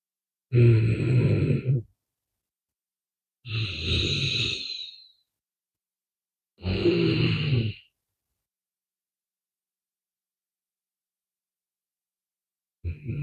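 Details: Snoring during a short nap: loud, rough snores from a napping adult, three strong snoring breaths with long silent gaps, about ten per minute.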